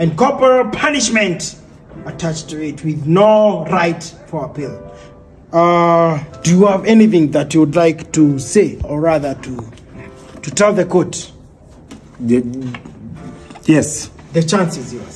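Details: Adult male speakers in an acted courtroom skit; ordinary speech.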